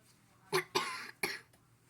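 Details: Child who is a little sick with a cough (also teething) coughing while getting ready for bed: three quick, dry cough bursts in a quiet room.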